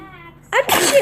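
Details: Single soft baby sneeze: a rising voiced breath in, then a sudden sharp burst out, from a baby girl.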